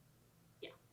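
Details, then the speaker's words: Ankle tendon rolling demonstrated by physical therapists: quiet room, one soft brief pop then a sharper click; tendon snapping at the ankle. "So that was tendon rolling right there. Occasionally the hip can also do this, but not quite as common as like the ankle and the shoulder."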